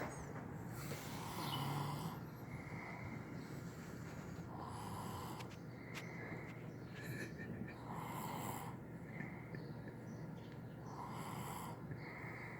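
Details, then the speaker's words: A person's brother asleep and snoring: soft, rough breathing sounds at roughly 3-second intervals under steady room noise. "Yeah, this nigga snoring."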